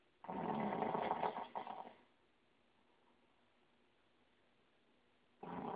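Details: Third snoring recording in an ongoing series: a loud, rough snore lasting almost two seconds, then a quiet pause before the next snore begins; typical snoring.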